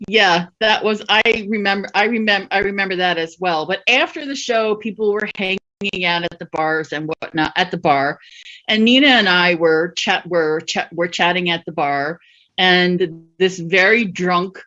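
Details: Adult female comedian who stutters, speaking live, with repetitions; stuttering.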